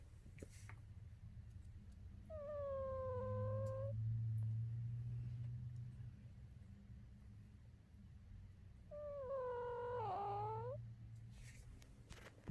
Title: Cutest Dog Snore Ever